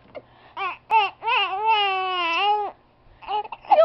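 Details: Infant crying, upset at having the hiccups: a few short cries build into one long, steady wail, then soft fussing after a pause.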